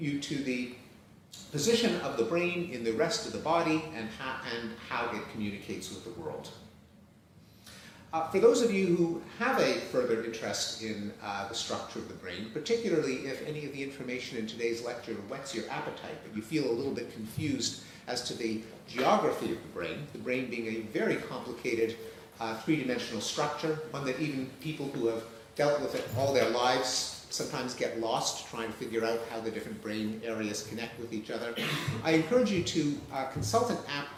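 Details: Adult male speaker; normal speech.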